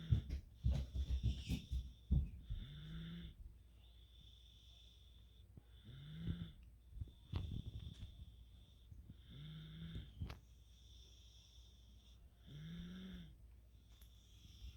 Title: 3y - snoring